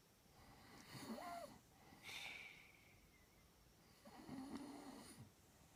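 Soft, whistly snoring breaths with a nasal tone rise and fall in a quiet room; light snoring.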